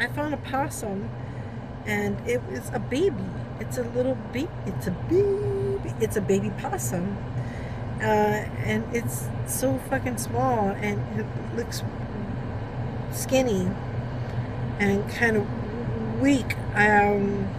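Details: Woman with Tourette syndrome during a tic attack, reporting trouble speaking; vocal tics.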